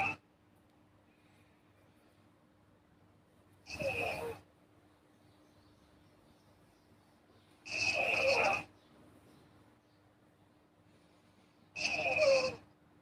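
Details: Girl sleeping, three soft, airy snoring breaths about four seconds apart, around 15 a minute, over a faint steady room hum: snoring.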